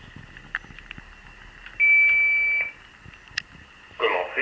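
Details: Demonstration of a Philips HS1 automated external defibrillator during simulated CPR on an unresponsive, non-breathing person: a single steady electronic power-on beep over faint room noise.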